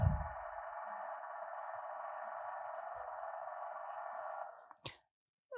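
Steady, rapid, high-pitched buzzing from an EMG speaker for several seconds, then stopping; normal single fiber EMG recording.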